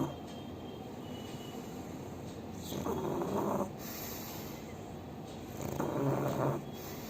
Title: Pug Life - Bhuri l Pug Snoring l Pug Sleeping l Animal Lover l Cute Pug l Sleeping Dog l Snoring Pug